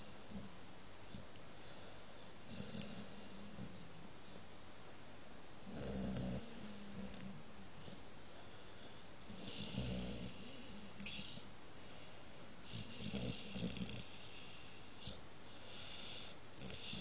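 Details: Dog sleeping after a good brushing: quiet, irregular snuffling snores over steady background hiss; ordinary snoring.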